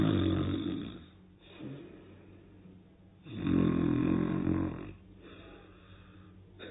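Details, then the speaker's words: Acted snoring in a children's educational story: a man lying on a charpoy (cot) starts snoring soon after lying down, with two loud, low, rattling snores on the in-breath about three seconds apart and quieter breathing between. "चारपाई पर late होने के थोड़ी ही देर बाद वह खर्राटे भरने लगे"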